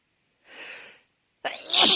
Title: Dusty Sneezing Fits